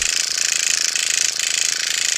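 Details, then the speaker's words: Motorized microneedling pen used on a woman's face over an incision area with skin pulled taut; steady high-pitched buzzing with rapid even pulsing at fast speed. "okay now I'm going over that incision area and I'm pulling the skin taut"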